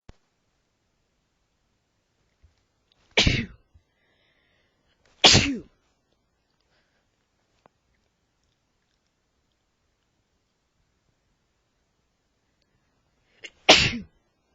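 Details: Three sharp, explosive sneezes with quiet gaps, from an adult man during an allergy flare-up.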